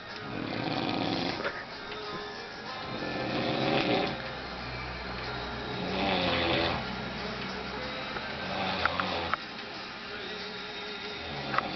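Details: Roommate in London snoring while asleep, recorded as a prank: loud, rough snores on the breaths, roughly one every few seconds, with faint music in the background.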